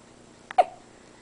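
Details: Infant boy doing tummy time, who also has a severe diaper rash under prescription treatment: a single soft hiccup, a brief catch followed by a short voiced squeak in a quiet room; hiccups.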